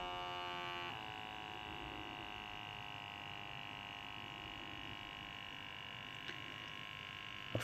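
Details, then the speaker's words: Steady high motor whine of the pump as a Salter Mibody Bluetooth automatic wrist blood pressure monitor inflates on guest mode, cuff placed 1–2 cm above the hand; the reading reported afterwards was about 153/79. "so now is everything is in place and when you press start I'm using the guest in this scenario and as soon as you press it it's just starting to"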